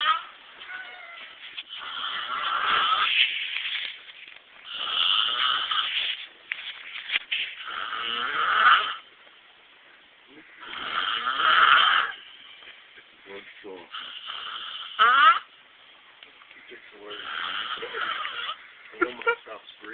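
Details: Friend snoring loudly while asleep in a trailer: loud rattling snores every three to four seconds, about 18 a minute, each lasting a second or two, with quieter breathing between.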